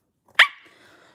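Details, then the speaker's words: Young woman with Tourette syndrome, during a livestream: sudden sharp yelp-like bark followed by a brief voiced squeak; involuntary vocal tic. "Not trying to hate, but why do you keep making noises like that? I have Tourette's, and it is involuntary. I can't control it."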